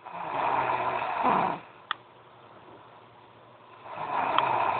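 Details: Girl snoring loudly: buzzing snores on two breaths about three seconds apart with a quiet gap between; ordinary snoring.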